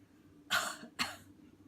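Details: Adult bedside swallow evaluation: two sharp, forceful voluntary cough bursts in quick succession on request, a good strong cough.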